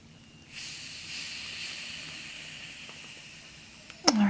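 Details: Steady airy hiss of a blood pressure cuff slowly deflating during an ASMR role-play head-injury exam of an adult woman on her arm, reading 110/80; simulated medical exam.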